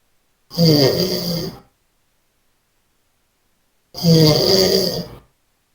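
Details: Person snoring during sleep: two loud, rough, rattling snores about three seconds apart, silent between them.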